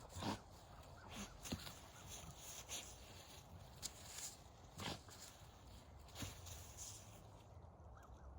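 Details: Horse named Bear gives a short, forceful nasal sneeze while having its back scratched, amid outdoor rural noise with possible birds.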